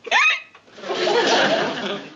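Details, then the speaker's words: Staged TV sitcom scene (The Andy Griffith Show, S5E2) in which the character Barney has hiccups: a sharp, squeaky hiccup followed by audience laughter; simulated hiccups. "Maybe it's from eating so much this past week. Hold your breath and take five sips of water."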